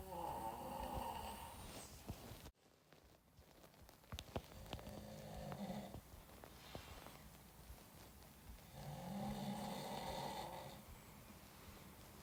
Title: The snoring sound of a famous Iranian actor recorded by his friend😂